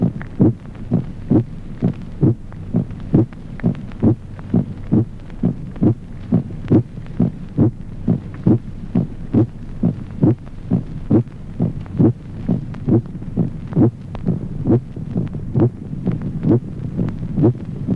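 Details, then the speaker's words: Regular heartbeat near 67 a minute with a ringing, musical (tambour) aortic second heart sound in aortic aneurysm. "Resonancia del segundo ruido cardíaco. Timbre musical del segundo ruido aórtico en el aneurisma de la horta."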